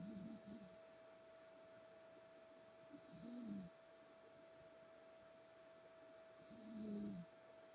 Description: This right here is the most beautiful cat in the world. And she has the cutest snore.